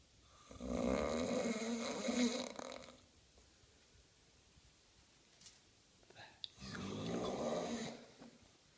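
Two long, loud rattling snores, each about two and a half seconds, separated by a quiet pause with small sounds; ordinary snoring.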